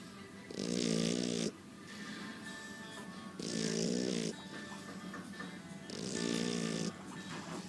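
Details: Shar Pei dog snoring: loud, rough snores on each in-breath, about 24 a minute, separated by quieter out-breaths.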